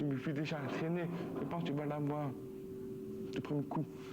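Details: Deaf speech from a 20-year-old male final-year high school student with profound deafness who relies on lip-reading.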